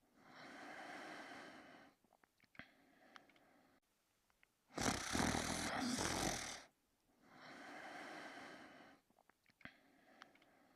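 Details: Two sleepers snoring: long rattling inhaled snores alternating with quiet pauses, one much louder rough snore in the middle, about three snores in all.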